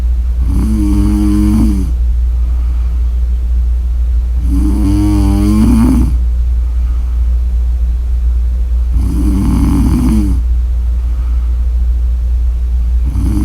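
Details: Loud, low rattling snores on each breath in, about every four to five seconds, over a steady hum of room noise; snoring.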